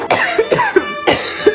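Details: Three short, harsh cough bursts from an adult woman indoors, who insists she is not sick, maybe a little.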